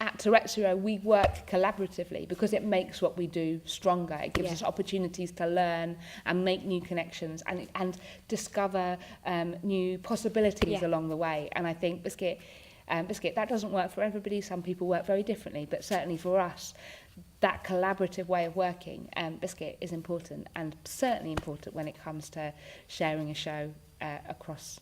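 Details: Tourette syndrome vocal tics in an adult woman with uncontrollable movements and noises; a frequent vocal tic is the word 'biscuit'.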